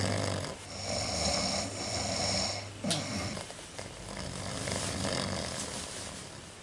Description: Professional snorers.